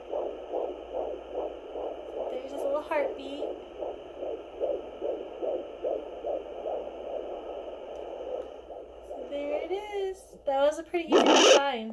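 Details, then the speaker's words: Rapid whooshing pulses, roughly 150 a minute, through a handheld home Doppler on the belly at 17–18 weeks of pregnancy, then scraping probe noise; fetal heartbeat in the normal range. "okay let's see if we can find his heartbeat so unless return it now one"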